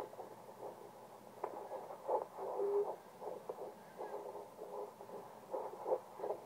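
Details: Fetal heartbeat at 10 weeks 6 days of pregnancy, found by the mother herself with a handheld home fetal Doppler and gel; fast, soft whooshing pulses repeating over a faint hiss.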